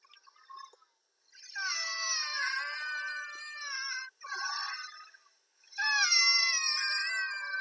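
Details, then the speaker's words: Recording played to illustrate airway constriction as in asthma: high-pitched musical whistling, louder on exhalation as air tries to get out; expiratory wheezing. "you can hear how it the wheeze is louder on exhalation when the patient is is exhaling the air is trying to get out"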